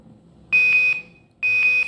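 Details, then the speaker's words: INFUSYS-S syringe infusion pump demonstration, 100 ml infusion: two long steady high-pitched tones about a second apart at 91 ml infused, the nearing-volume-limit alarm. "So for 100 ml at 91 ml of infusion, we get a nearing volume limit alarm. At 95 ml, we get a near empty alarm, and it's going to reach 100 ml."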